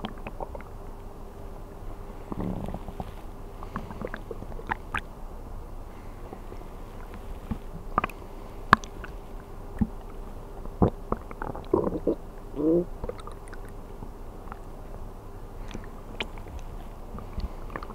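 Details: Bowel sounds recorded while sleeping on an empty stomach, from an ASMR recording: scattered gurgles and squelching pops over a steady hum, i.e. hunger stomach growling.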